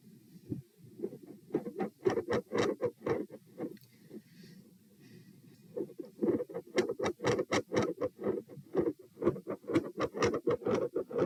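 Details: Heart sounds recorded at position P, fast rate of 120 bpm with very quiet periods and extreme variation in S1 and S2 intensity: tachycardia.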